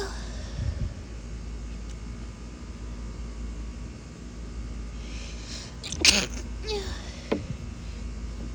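Two quick stifled sneezes in a quiet room with steady background hum, each a brief suppressed burst of air.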